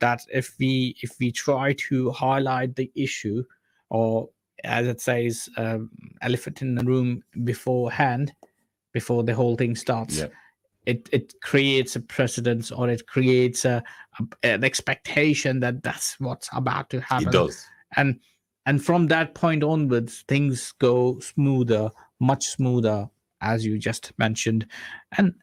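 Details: Stammering (stuttering) in a man who says he stammers himself.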